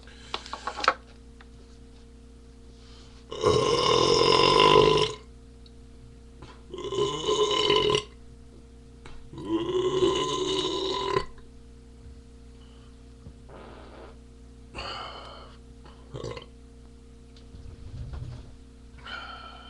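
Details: Three clear belches followed by a few softer ones over low steady room hum; from a recording of mostly burps and one fart; repeated burping.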